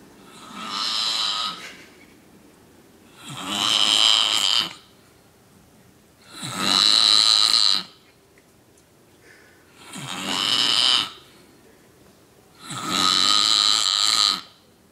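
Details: Man snoring: five loud, rasping snores with each breath in, about 19 a minute, separated by quiet pauses.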